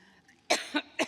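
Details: Three abrupt, harsh cough bursts in quick succession from an adult woman during a speech on May 26, 2017, after a brief quiet lead-in with faint room noise; she later blamed allergy; cough.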